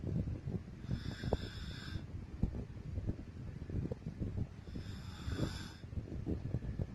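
Two rough, vibrating snores about four seconds apart, over steady low rumbling room noise: snoring during sleep.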